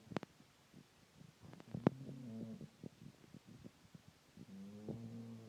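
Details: Dog snoring in sleep one hour after returning home tired, stressed and hungry after a day missing: low, buzzy, drawn-out breaths with soft clicks and snuffles between them in a quiet room.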